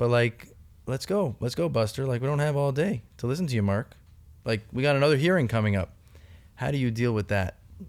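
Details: Adult male speaker; typical speech.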